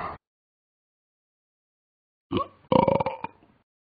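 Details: Burping by Talking Ben, an app cartoon dog, not a real animal: a short blip, a pause, then a long, loud, rattling belch.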